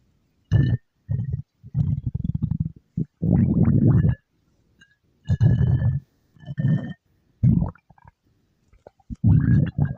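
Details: Loud, gargling, growly rumbles in bursts, a stomach-growl sound effect for a game character; stomach growling (borborygmi).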